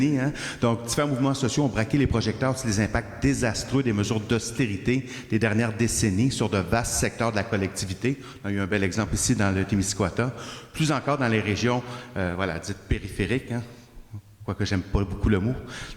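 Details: Adult male speaker; normal voice.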